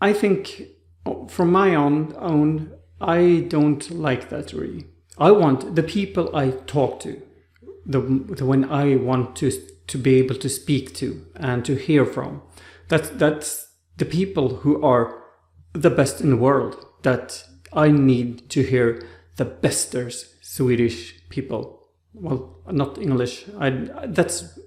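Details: Aphasia after stroke in an adult man in rehabilitation with therapists; speech like a two-year-old's on waking after the stroke; trouble finding names and words.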